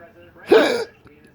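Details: A single abrupt voiced gulp with a brief catch: one hiccup from persistent intractable hiccups since December 2015, occurring every 1-3 seconds, with breathing and choking spasms; cause undiagnosed.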